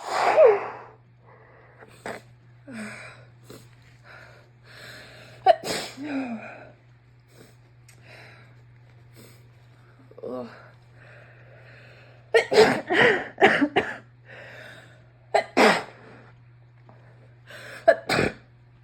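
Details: Repeated forceful, wet sneezes with sniffing and nasal breaths between, over a steady hum, from an adult who thinks they are coming down with a cold, nose refilling with thick snot after blowing; sneezing.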